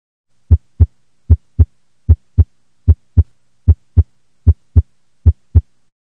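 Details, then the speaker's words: Normal heartbeat: regular paired lub-dub heart sounds at about 76 beats a minute, the regular sound and rhythm of a normal heart, contrasted with atrial fibrillation. "the heart normally has a regular beat that moves blood in and out of the four chambers of the heart and out of the heart to the rest of the body this is the sound and rhythm of a normal heartbeat"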